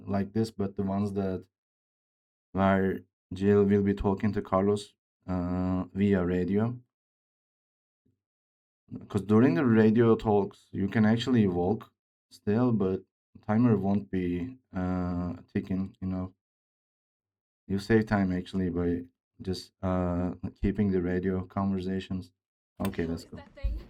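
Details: Male speaker with a self-reported speech disorder, type not named, which he says sounds like a game character's but much worse; dysfluency.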